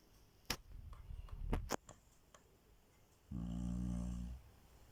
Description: Chow chow snoring loudly gets a shock when woken up.